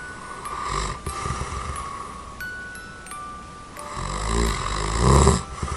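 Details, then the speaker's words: Habitual snoring of an adult in deep sleep, recorded without an anti-snoring tongue device: loud, low, rattling snores with soft chiming music behind; sounds near choking to the sleeper himself. "大家可以仔细听，这是我平常睡觉打呼的声音。"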